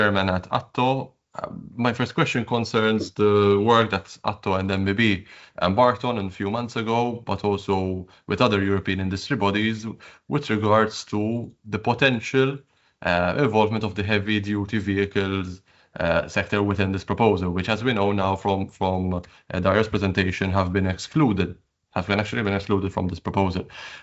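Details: Adult man speaking; normal speech.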